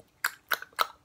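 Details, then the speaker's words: A boy, from about age 5 and still at 13, makes three quick, evenly spaced clicking mouth sounds: a repetitive echolalic vocal tic. "When my brother was a lot younger, and even sometimes still today, he would make a lot of repetitive sounds"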